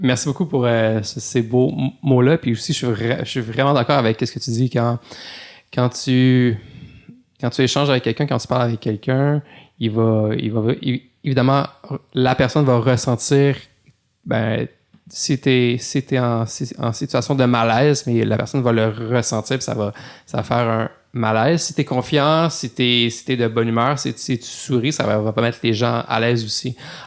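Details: Stuttering in an adult man who stutters.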